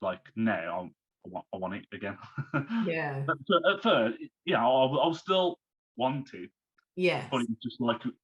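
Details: Man who had a stroke at age 33, about three months earlier, still recovering and overcoming speech difficulties; aphasia after stroke.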